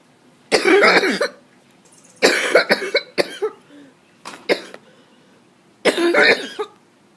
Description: coughing fit from allergies.